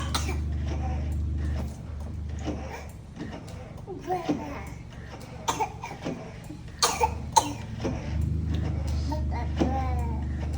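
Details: Child coughing playfully: several short coughs and throat clearing mixed with talk over a steady low hum.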